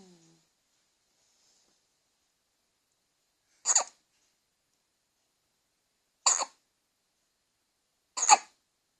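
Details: Three brief, sharp hiccup bursts spaced a few seconds apart in a quiet room: hiccups.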